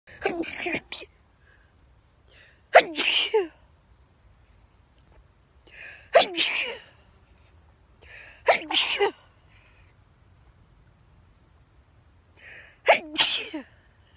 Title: Fourth of July sneezes in the sweet pea field